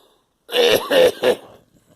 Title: Girl coughing